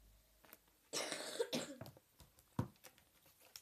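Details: Young girl coughing in a quiet room: a single cough followed by a smaller throat sound.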